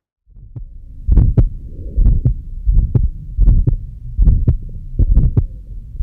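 Regular heartbeat at about 67 per minute with a harsh rushing murmur filling the gap after each first sound: an ejection systolic murmur of aortic stenosis.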